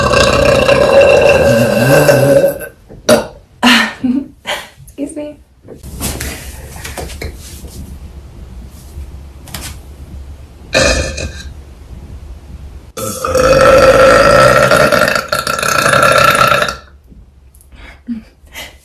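Two long, loud, voiced belches with short bursts and quieter noises between them: burping.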